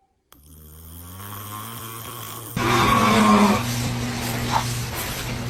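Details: Dad snoring in his sleep, which frightens the baby: loud, rough, rattling snores with a low droning vibration, ordinary snoring.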